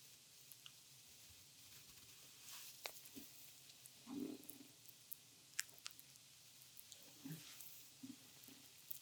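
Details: Soft gurgling rumbles from the belly between faint rubbing and clicks of massage: ordinary bowel sounds. They are heard during an oil abdominal massage of a woman who reports feeling tightness in her abdomen.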